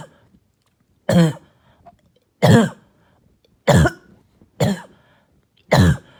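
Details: Barking, hacking cough heard all night: five harsh, deep, isolated hoarse coughs about a second apart.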